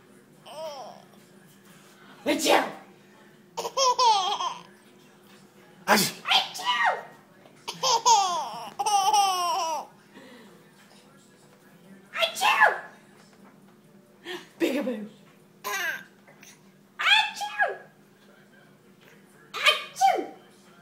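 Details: Several sharp sneeze bursts from the mother, with her 12-month-old child's giggling laughter between them; sneezing.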